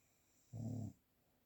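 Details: A single brief, low, buzzing snore of about half a second in a quiet room; a real analog recording without post-processing.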